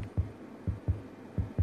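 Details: Fetal heartbeat on a monitor during a pregnancy scan in a feature film (drama; mother exposed to chemical weapons, unborn child likely to have birth defects): fast, regular low whooshing thumps in quick succession.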